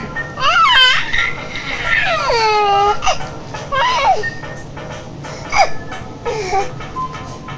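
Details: Young child with hiccups, screaming: high-pitched, wavering cries and squeals while music plays in the background.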